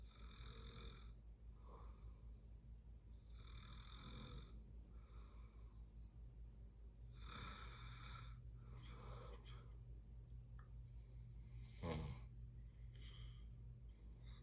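Repeated rough, rattling breathing sounds about every 3 to 4 seconds over steady low room hum, typical of snoring during sleep.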